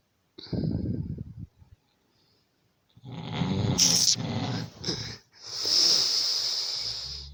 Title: Your snoring